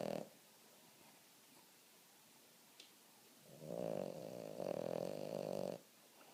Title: Boston terrier snoring (aka Roxy)